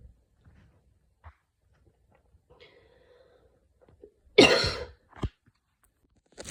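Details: Adult with an asthmatic cough and wheeze in a mild asthma attack after an evening run in cold air: a faint high whistling wheeze, then a loud harsh cough and a smaller follow-up cough.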